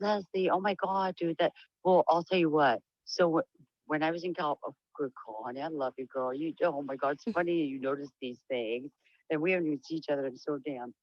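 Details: Speech and voice changes in an adult woman with diagnosed Huntington's disease, whose voice is described as lower and very different from before; she reports sometimes stuttering and has trouble staying on topic, tending to trail off.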